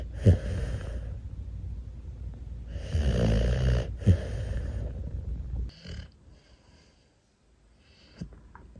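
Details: Sleeping rescue bully-breed puppy snoring: low, rough rattling snores with snorty catches, fading to quiet breathing near the end.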